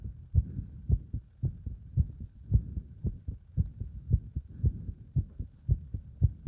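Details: Heart sounds recorded under exercise load: fast, regular, strong heartbeat at about 110 beats a minute.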